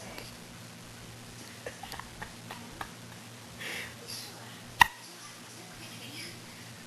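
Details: Infant girl with hiccups, which often persist until she falls asleep: several brief, soft catching sounds about a second apart in a quiet room, then one sharper click.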